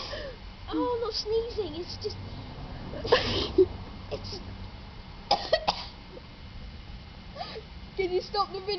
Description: i randomly sniff sneezing powder